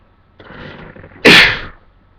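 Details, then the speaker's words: One short breathy intake, then a single sharp, explosive burst of air: a sneeze from a person whose nose felt itchy after spraying cologne on themselves shortly before. "oh excuse me sorry I did not think I'd ever sneeze in this video oh I just like spray myself the Clone before so that's probably why my nose is like itchy right now"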